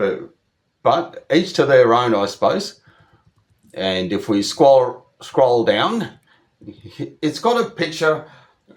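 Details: Adult Australian over 25 who stutters, speaking in a monologue with word repetitions; stuttering.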